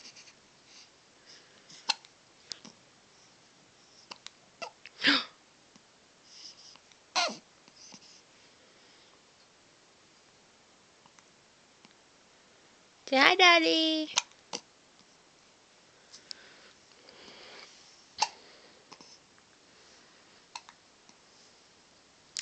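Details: Infant hiccups: several short, sharp hiccups with quiet gaps and one brief squealing vocal sound; hiccupping about ten times that day.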